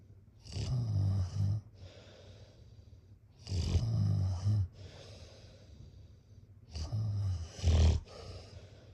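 Three loud, rattling, low-pitched snores on the in-breath, each followed by a quieter breath out, about 20 breaths a minute: snoring during sleep.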